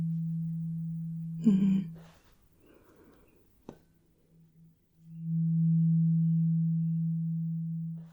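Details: Simulated medical exam (ASMR role-play) hearing test: steady pure low hum of a struck tuning fork presented to the left or right ear, fading, with a tap and soft rustle between.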